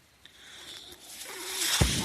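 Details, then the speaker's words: Soft airflow hiss building with a faint whistle, ending in a valve-like click and rush of air; one breath from a podcast speaker's own mechanical ventilator, heard while he talks: mechanical ventilator breath cycle. "That noise you're hearing is my ventilator."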